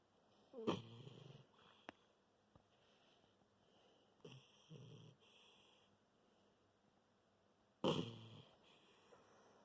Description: My pupper is a snoring